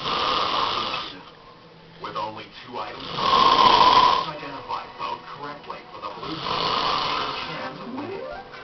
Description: my brother fell asleep at my house ,had to record him snoring